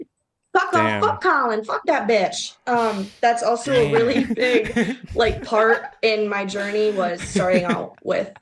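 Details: Young woman with Tourette syndrome, described as an involuntary motor and vocal disorder, produces swearing vocal tics mid-answer during an interview; the hosts question whether the tics are genuine; coprolalia.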